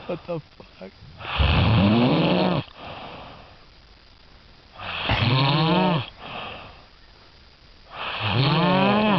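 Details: Adult Swedish man snoring loudly and rhythmically, rattling groaning inhalations about 18 a minute with quieter exhalations; snoring.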